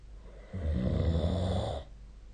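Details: Single loud, low, rattling snore lasting over a second during sleep, recorded with a snore-tracking app; snoring.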